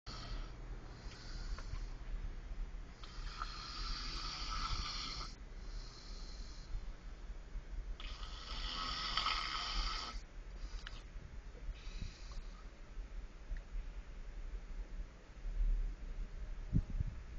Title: roncando - snoring LOL